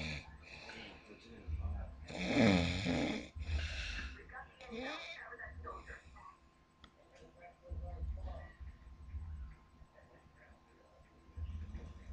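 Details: Female sleeper: extremely loud, rough snores on breathing in, with quieter snorting breaths between and a faint steady room hum; loud snoring.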